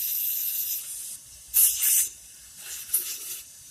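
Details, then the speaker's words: Short hissing sprays with quiet gaps as a dental air-water syringe is aimed directly at the tooth area to rinse, during a root canal procedure teaching demonstration; dental air-water syringe spray. "And when you're rinsing, you want to be like this, right directly on that tooth area."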